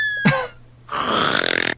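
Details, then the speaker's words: Sleeping porcupine: a short, fluttering, rattly breath sound; snoring. "This is what a snoring porcupine sounds like."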